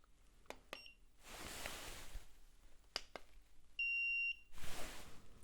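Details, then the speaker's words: A few sharp clicks, then a steady half-second electronic thermometer beep ending a temperature reading in an acted ASMR annual doctor check-up roleplay, patient without COVID symptoms, with soft rustling; thermometer beep. "So, have you got any COVID symptoms at the moment? Okay, I didn't think so. I haven't heard you cough or anything like that, so, you know, that's fine. I'm just going to check your temperature. All right."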